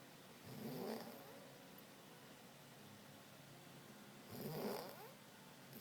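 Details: Mother in deep sleep snoring: two slow, rough snoring breaths about four seconds apart over quiet room noise; ordinary snoring.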